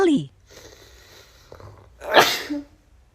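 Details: Young Asian woman who describes herself as a severe rhinitis sufferer, possibly with cold allergy flaring: a short vocal sound, a pause, then one sharp explosive sneeze with a brief trailing voice sound.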